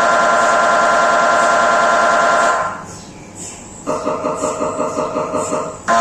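Loud, steady buzzing tone, then a brief lull and rapid rhythmic knocking pulses, about 170 a minute; typical MRI scanner noise during a brain scan.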